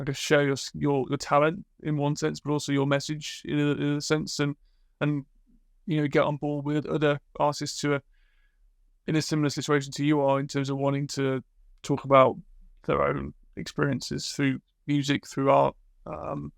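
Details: Adult male speaker; normal conversational speech.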